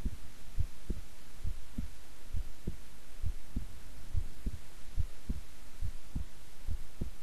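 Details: Own heartbeat recorded at length while keeping still and relaxed: soft, regular low thumps at about 69 beats a minute over a steady low hum; normal resting heart sounds.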